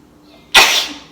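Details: Single loud, explosive sneeze after a quiet lead-in, fading over half a second, deliberately provoked during a sneeze challenge; the first of several sneezes; sneezing.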